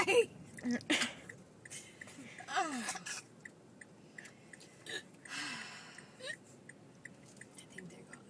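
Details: Adult woman (a mother) has a laughing fit that sets off hiccups: sudden sharp gasping catches mixed with breathy laughter and short vocal bursts.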